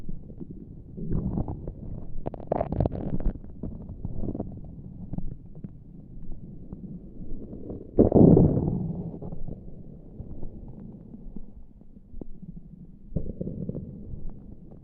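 Low gurgling rumbles come in a few separate bursts with quieter stretches between, typical stomach growling from the abdomen.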